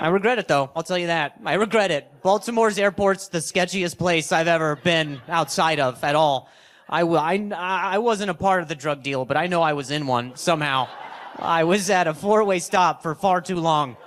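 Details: Acquired stuttering in an adult male comedian, onset at age 20 the day after a softball struck his throat, causing a minor vocal contusion and a major concussion he slept on; no stutter since childhood before that.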